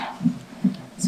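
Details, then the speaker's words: Rapid, soft whooshing fetal heartbeat, about three beats a second, from a CTG monitor speaker; baby girl monitored 20 minutes at a check-up about six weeks before due date, mother lying strapped up and clicking when she feels movement. "so yeah i'm strapped up to the monitor and basically her heart is being monitored for 20 minutes"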